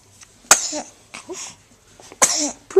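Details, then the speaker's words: Sneezes recorded June 4, 2010 on a Flip Video camcorder: two sharp, explosive bursts of air a couple of seconds apart, each with a hissy spray; praised as good sneezes. "Oh, sneezes! Yay! You feel better now? Yeah, good sneezes."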